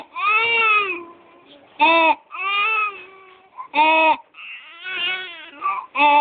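Infant cries in repeated bursts, with brief high, harsh noises on the in-breaths between them: stridor.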